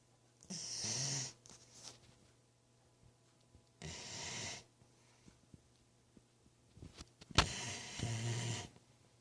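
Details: Snoring: three loud, rough, noisy breath sounds spaced a few seconds apart in a quiet room.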